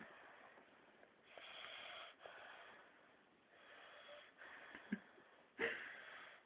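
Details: Young boy (toddler) sound asleep on a hardwood dining-room floor after a car nap: soft, breathy snoring, a few raspy breath cycles with light snorts over quiet room noise.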